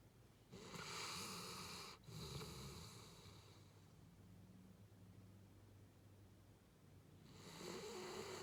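Sleeping dog gives long rough snores with a vibrating, fluttering quality, separated by quieter breathing and a low steady room hum.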